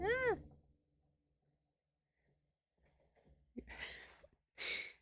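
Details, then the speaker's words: Two harsh, noisy barking cough bursts from an adult with reduced lung capacity and a history of yearly bronchial infections, described by the cougher as sounding like a dog's kennel cough. "proud that I have a dog kennel cough if you have ever heard a dog bark that's or a cough that's exactly what it sounds like"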